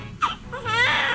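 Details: A newborn baby boy, born after his mother's induced labor in hospital, gives a short rising cry, strong and clear, just after birth: a normal newborn cry.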